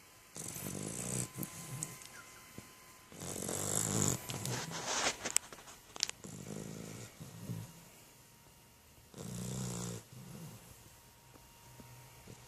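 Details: A puppy snoring while asleep lying next to its owner: soft, noisy breaths every few seconds, each with a low, rattly rumble.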